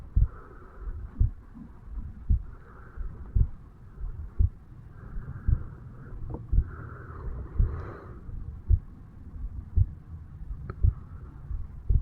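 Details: 35-year-old male, self-recorded at the bicuspid/mitral valve area on waking in the morning: steady regular low thumps at about 57 beats a minute over faint hiss; heart sounds at the mitral area.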